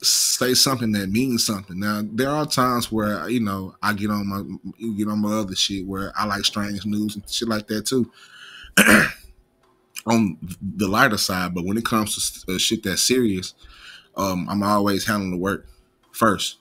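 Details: Stuttering in an adult male who describes himself as having a slight stutter and mispronouncing some words.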